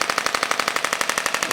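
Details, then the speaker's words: Radial shockwave device used to break up adhesions in a woman's lower back, with over five years of chronic lower back pain and reduced lumbar flexion: rapid even clicking at about 12 pulses per second. "So we can use the pressure wave to kind of break up a lot of this stuff in through here, at least superficially"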